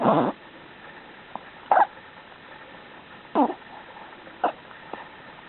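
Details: Dog (Lucy) with hiccups: brief, repeated jerky gulps roughly every one to one and a half seconds over steady background noise.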